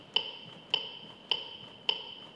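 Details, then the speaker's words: Sharp, evenly spaced electronic clicks at about 104 per minute from a defibrillator metronome pacing chest compressions after a shock, during a CPR demonstration: AED CPR metronome. "ο απινιδωτής μας κατευθύνει με ένα μετρονόμο ενώ μας δίνει οδηγίες για να βελτιώσουμε την ποιότητα των θωρακικών συμπιέσω που εφαρμόζουμε"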